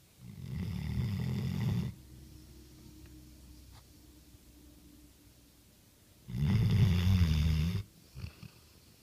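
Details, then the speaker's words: Sleeping dog snoring: two long, low rumbling snores with a quiet pause between them, then a short snort. "busted, snoring away. Go back to sleep."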